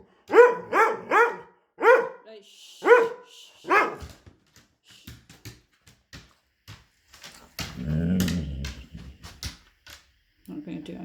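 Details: Dog: a run of harsh, honking bursts, then a rougher hacking sound; coughing fit.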